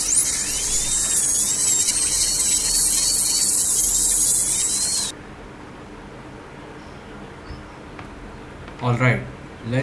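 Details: Dental rotary handpiece during root canal treatment of curved canals: a high-pitched whine runs for about five seconds, then stops, leaving quiet room noise and a brief voice.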